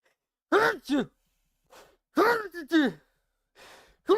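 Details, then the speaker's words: An adult male streamer sneezes into the microphone: two loud, strongly voiced sneezes, each a quick double burst, with breathy intakes between. "i did not mean to sneeze into the mic that's what it sounds like when i sneeze like i'm getting punched in the face"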